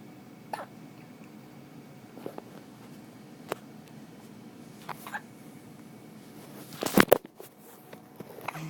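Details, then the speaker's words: Baby boy with hiccups: brief, sharp catches spaced a few seconds apart in a quiet room. Hiccups. "See, the hiccups are making me tired."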